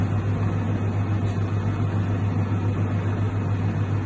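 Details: Maquet Jostra HCU 30 heater-cooler (hypothermia) unit running normally while holding water temperature at a 15-degree set point: a steady low mechanical hum with a pulsing drone from the compressor and circulation pump.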